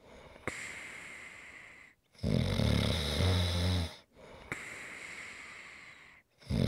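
Deep, rumbling snores alternate with long, hissing breaths out, a slow steady cycle: ordinary snoring.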